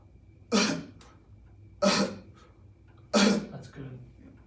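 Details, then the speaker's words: A quadriplegic man doing an assisted quad cough, with a physical therapist compressing his ribcage in time with his effort: three loud, forceful coughs about a second apart, much louder and with more force than unassisted coughing. "It's very much louder, you can tell there's a lot more force production."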